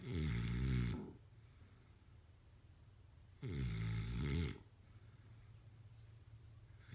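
Two deep, rumbling snores on breathing in, a few seconds apart, with quiet breathing between.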